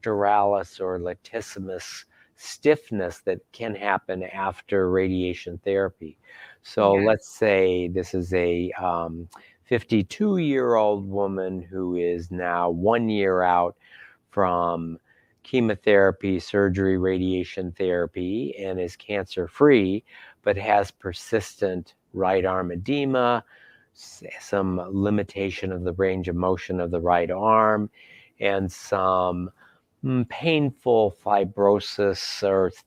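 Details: Adult speaker; no voice disorder.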